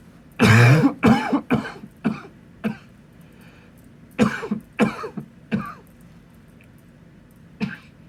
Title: Coughing into my pillow (M)